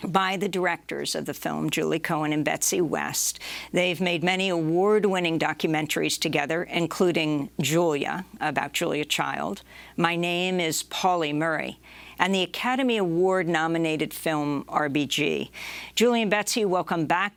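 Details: Adult woman speaking; normal speech.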